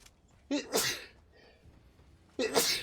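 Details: Adult man during a gaming stream: sharp, explosive sneezes in quick succession, each a sudden burst of air and voice; he says he sneezed three times. Sneezing.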